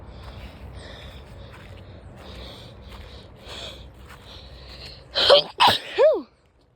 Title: Sorry for breathing so hard I was abt to sneeze #fish #bassfishing